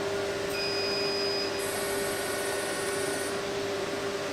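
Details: Fractional CO2 laser (skin resurfacing setting) test-fired on a piece of paper, handle held vertically and closely attached, foot pedal pressed: steady electronic hum with high tones and shrill whine.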